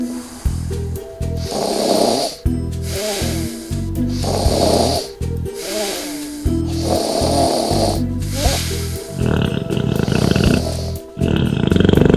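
Loud, rough snoring on repeated breaths, roughly every two seconds, over background music; typical heavy snoring.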